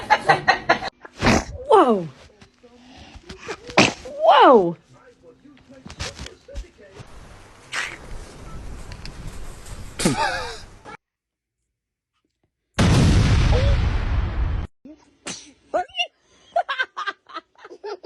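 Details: Baby sneezing: short, sharp, squeaky bursts of air among small vocal sounds; infant sneezes one after another.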